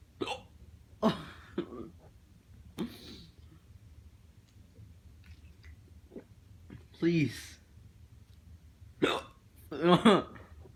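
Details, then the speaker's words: Person hiccuping repeatedly; about seven short, abrupt voiced throat catches over eleven seconds, separated by quiet pauses; hiccups. "I'm hiccuping so much. Why?"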